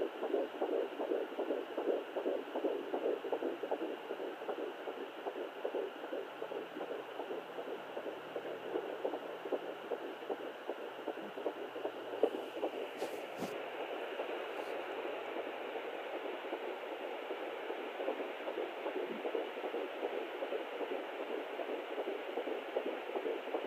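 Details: Fetal heartbeat at 12 weeks of pregnancy on a Sonoline fetal Doppler, possibly twins: rapid whooshing heartbeat about 150 a minute, with a second rhythm possibly overlapping.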